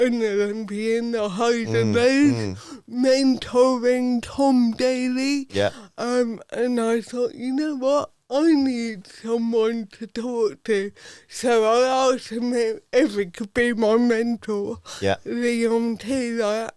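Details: Adult woman with athetoid cerebral palsy from birth, Paralympic dressage rider whose speech is affected by it, previously self-conscious about her speech; dysarthria (cerebral palsy).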